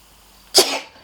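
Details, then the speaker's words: A single sharp, hissing sneeze from an adult French speaker, fading over about half a second, announced two seconds beforehand. "je vais éternuer dans deux secondes excuse-moi"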